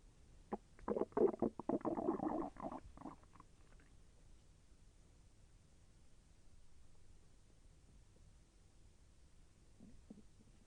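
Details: A two-second run of rolling, bubbling gurgles, then near quiet with a faint later gurgle, heard during digestion; the person felt the intestine move with slight pain. Bowel sounds (borborygmi).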